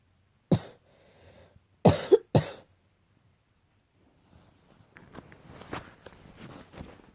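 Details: One harsh cough, then a quick pair of loud barking coughs, followed by faint rustling; barking cough attributed to cat allergy.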